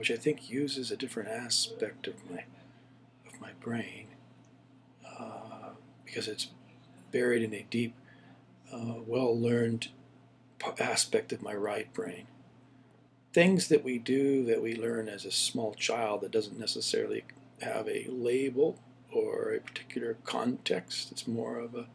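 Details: Adult man with Parkinson's Plus (atypical parkinsonism), about 5 years since 2005 onset, before DBS; hypokinetic-type dysarthria, self-described altered rhythm, misplaced stress, soft voice, reduced lip movement, word-finding difficulty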